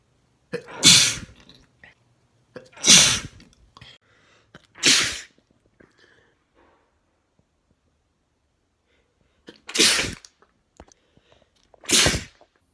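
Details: Induced wet sneezes from a male: five forceful, wet-sounding sneezes, three close together and two more after a pause, with quiet breaths between; sneezing.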